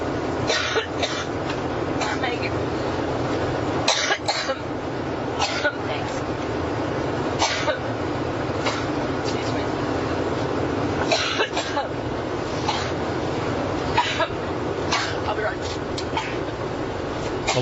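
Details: An adult woman has a second sustained coughing fit of the day aboard her campaign plane during a press conference on 9/5/2016, over steady cabin drone.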